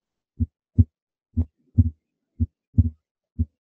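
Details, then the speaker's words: Simulated normal heart sounds on the Harvey simulator, present in all classic auscultatory areas and timed with respiration. "not only does he have uh these heart sounds uh present throughout all the classic ascultatory areas but harvey's heart sounds are also timed with respiration"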